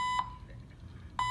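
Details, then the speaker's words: Hospital infusion pump alarm about three feet from the head of a patient admitted for foot surgery, unanswered at 9 pm: steady high-pitched electronic beeps about once a second in a quiet room, signalling nurses to check it. "Dude, listen to that thing. It's fucking driving you insane."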